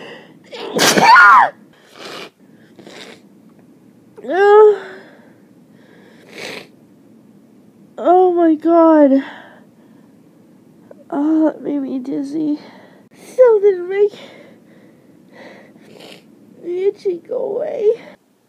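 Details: Morning allergic sneezing blamed on end-of-summer pollen: a forceful sneeze followed by gasping breaths and vocal sounds in a quiet room, with mention of allergy pills.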